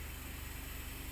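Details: Suction machine switched on and tested by a nursing student before suctioning the throat of an unconscious patient on oxygen: steady low motor hum with rapid, regular pulsing.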